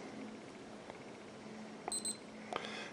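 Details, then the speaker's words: HanrayCare blood glucose meter: two short electronic beeps, then a click, after the countdown, signalling the reading is ready in mg/dL. The demonstrated result was slightly high. "and it shows you right there the actual number in milligrams per deciliter and uh has a little space there whether high or low"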